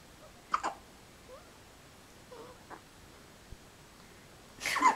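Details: Two-week-old twin infants hiccupping in their sleep; hiccups.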